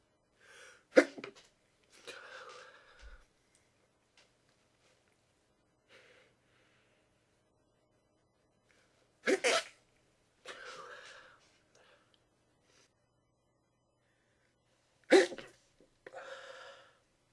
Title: Trying to sneeze quietly